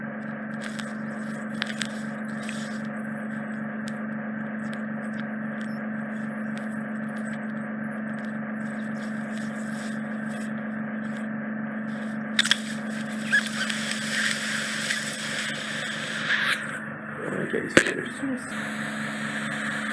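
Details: Microsuction of impacted ear wax trapped in the narrowed isthmus of a woman's ear canal near the eardrum, after lubricating drops, bringing a large lump forward: steady loud hissing suction with intermittent crackles and scraping.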